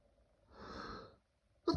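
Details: Intense allergy sneezing fit: a rising, drawn-in breath followed by the start of an abrupt sneeze burst.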